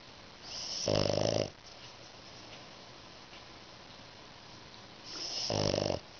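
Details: Two loud rattling snores with quieter breathing between, from a French Bulldog sleeping with her eyes open between her owner's legs; snoring.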